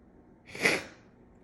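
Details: Person with cat allergy, left nostril clogged, inducing sneezes with a cat whisker: one sharp, hissing sneeze rising and fading quickly against quiet room noise.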